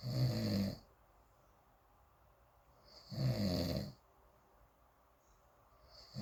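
Two loud, low rattling snores about three seconds apart with quiet pauses between, roughly 20 a minute: snoring.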